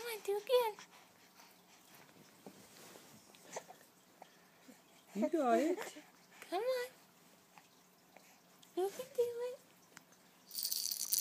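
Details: Baby boy fussing during tummy time: short wavering cries in bursts with quiet gaps, no sustained distress; infant cry.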